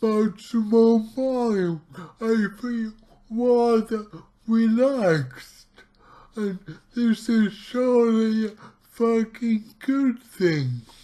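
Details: Dysarthric speech from his own cerebral palsy, recorded about two weeks into trying a keto diet; heavily distorted speech.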